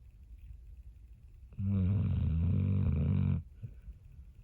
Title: Joey the Pitbull snoring ***volume on***